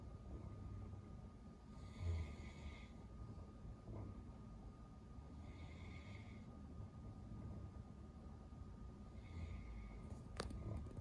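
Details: Great Pyrenees dog asleep, breathing noisily with soft intermittent snoring, about 16 breaths a minute, no clear pause heard; owner worries breathing sometimes stops and suspects sleep apnoea.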